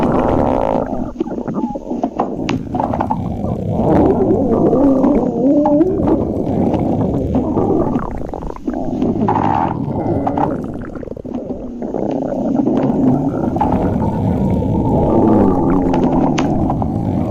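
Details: Loud, long, continuous rumbling and gurgling stomach growling with shifting pitch; bowel sounds (borborygmi).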